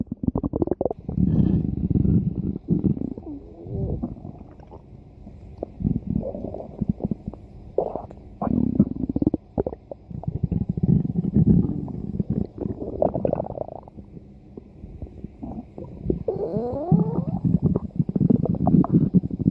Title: Stomach Growling